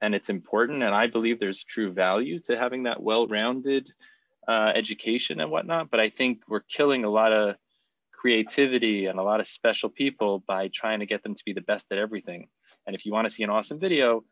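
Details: Adult male speaker; typical speech.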